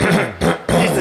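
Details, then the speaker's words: On a TV health program, a doctor plays a clip with two short, rough, voiced bursts from the throat and explains it is throat clearing, not a true cough, which expels air from the lungs: throat clearing. "对，这个他在清嗓，准备唱歌吗？这个其实不是咳嗽。我们咳嗽的反应色是会从肺部这样喷一口气出来，这个才是咳嗽。它这个动作其实叫清喉咙，清喉咙，因为清喉咙跟咳嗽，其实很多人在门诊就会分不清楚。"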